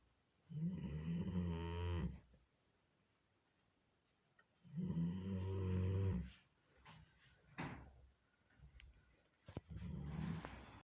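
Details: Doberman dog: two long, loud, low rattling snores about three seconds apart, with softer breathing noises after them; snoring.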